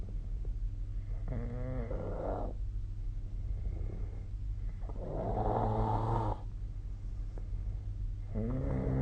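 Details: Snoring: rattling, fluttering snores about every three to four seconds, roughly 17 breaths per minute, over steady room noise.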